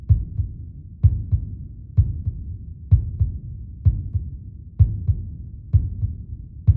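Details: Steady, regular paired low thumps, lub-dub, at about 64 beats a minute over a soft low hum, played as a meditation heartbeat track: normal heartbeat.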